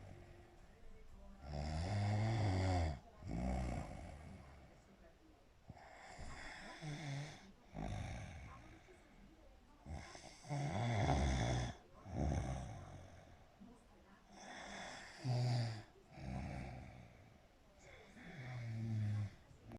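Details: Person snoring: repeated deep, rattling snores about every two seconds, each followed by a short breath out; ordinary snoring.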